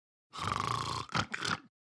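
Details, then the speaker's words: Long, loud rattling snore, then abrupt choking gasps for air, an illustrative sound in an advertisement about moderate to severe obstructive sleep apnea in adults with obesity; the speaker says he has moderate OSA. "In adults with obesity, moderate to severe OSA is a condition where breathing is interrupted during sleep with loud snoring, choking, gasping for air, and even daytime fatigue. Let's just say it can sound a lot like this."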